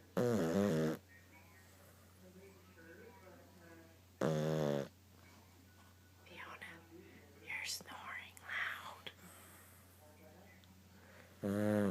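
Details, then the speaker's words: Sleeping dog snoring: loud, rattling snores about every four seconds, with soft talk in the background. "Fiona you're snoring you got to quit snoring"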